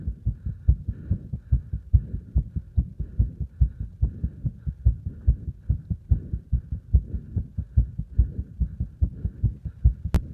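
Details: Heart sounds during exercise with prominent breathing noise: fast, steady, regular thumping heartbeat.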